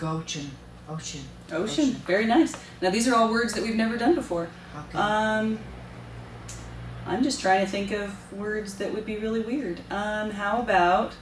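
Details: Adult woman; unaffected speech.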